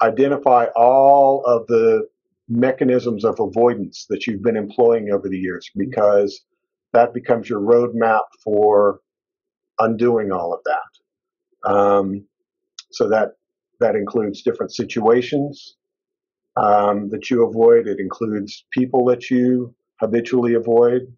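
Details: Adult man speaking; fluent speech.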